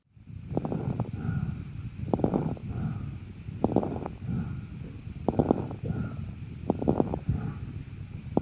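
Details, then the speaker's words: Lung auscultation after coughing: bursts of fine crackling clustered in each breath, crepitation, which can be heard in stages 1 and 3 of lobar pneumonia, bronchopneumonia, pneumosclerosis, compression atelectasis and left ventricular heart failure. "крепитация может быть выслушан а на 1 и 3 стадиях крупозной пневмонии при бронхопневмонии а также у пациентов с пневмосклероза компрессионным от elekta зам и левожелудочковой сердечной недостаточностью"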